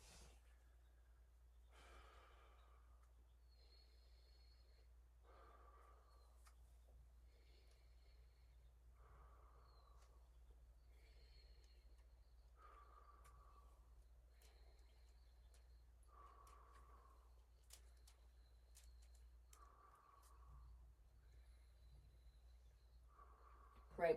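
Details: Adult in a health assessment of the thorax taking slow, deep mouth breaths about every three and a half seconds over a low room hum; clear normal breath sounds, no wheeze or crackles.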